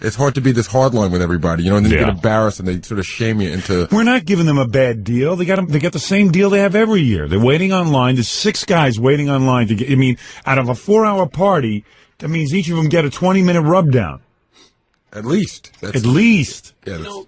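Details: Adult male speaker, radio broadcast; ordinary speech.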